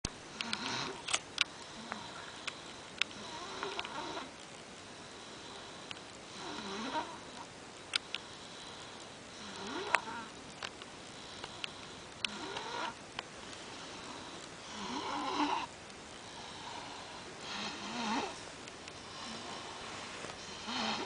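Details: Sleeping 6-year-old child: soft, irregular snoring and snuffling breath sounds, about 22 breaths a minute, with faint room noise; snoring.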